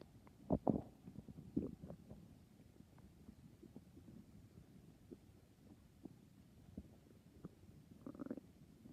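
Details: Nighttime stomach growls: soft, low gurgles and brief rumbles over quiet background hiss; borborygmi.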